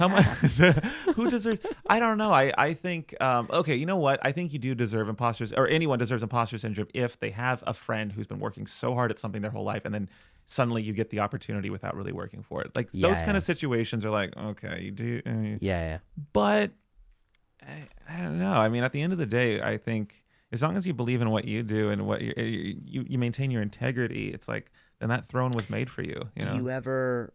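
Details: Adult man in conversation; typical speech.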